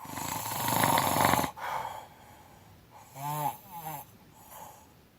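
Loud rough rattling inhalation followed by softer, noisy breaths in a quiet room; open-mouth snoring.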